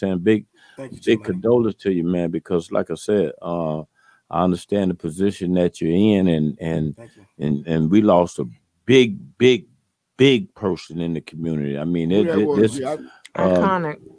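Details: Adult male speaker; normal voice.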